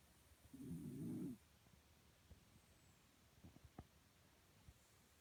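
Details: Sleeping dog, Hime: a single low, rumbling snore about a second long, followed by quiet room noise with a few faint clicks.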